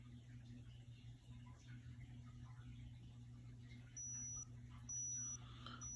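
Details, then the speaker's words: Digital thermometer inserted to take a pregnant dog's temperature on day 61 of a 63-day pregnancy, checking for a pre-labor drop (read about 98): three short high-pitched beeps over room hum marking a completed reading. "you insert your thermometer and you wait until you hear the beep"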